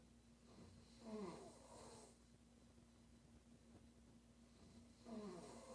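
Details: Woman snoring during sleep: two rattling snores about four seconds apart amid quiet breathing, with a steady room hum.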